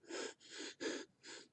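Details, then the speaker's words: Four quick, harsh gasping breaths in a row, an imitation of labored, inadequate adult breathing pattern. "what about bad or inadequate breath patterns in adults labored breathing that's not a good thing"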